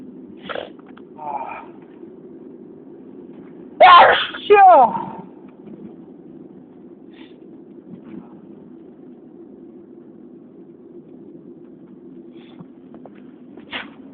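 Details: Two loud sneezes in quick succession against steady low wind noise, with a few faint sounds around them: ordinary sneezing.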